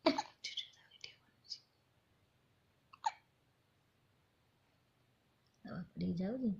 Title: cute hiccups of a newborn